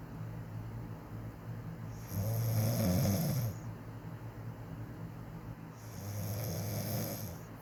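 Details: Wife asleep, who says she doesn't snore, in her quiet snoring: two loud, low, rattling inhaled snores about four seconds apart, separated by quieter breathing; snoring.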